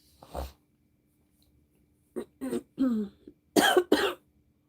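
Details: A throat clear, then a run of short dry coughs ending in two harsher, louder bursts, from a woman with a respiratory illness who has found a doctor to see.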